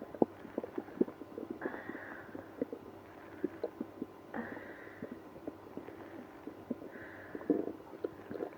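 Irregular gurgles and clicks with a few longer rising groans; active, loud bowel sounds of stomach growling.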